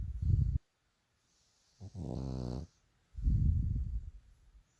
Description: Bull dog snores louder than my husband